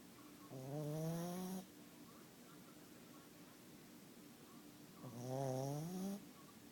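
Two long, rumbling, tonal snores on breathing in, separated by quiet breathing out. Snoring.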